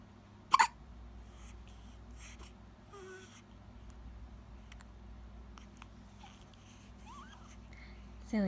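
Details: One-week-old baby with hiccups: two short, sharp hiccup sounds several seconds apart in a quiet room with faint background talk.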